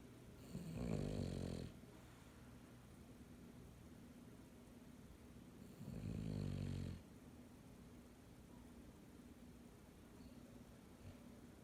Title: Daisy snoring